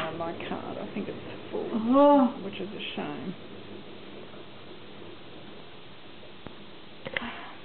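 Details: Woman with dystonia (DRD) during a dystonia attack affecting face, jaw, tongue, neck, arms and upper torso, with speech badly affected; attacks last minutes up to about 7-8 minutes; dysarthria during dystonia attack.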